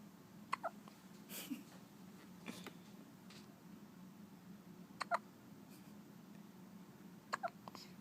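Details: Newborn baby girl, wrapped snugly like a burrito, with hiccups: soft, sharp little hiccup clicks in pairs about every two to three seconds over quiet room noise; infant hiccups.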